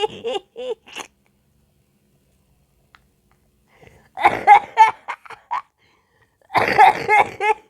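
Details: Short bursts of coughing in three clusters separated by pauses, mixed with laugh-like sounds, from a person who says they are sick; an ordinary acute cough.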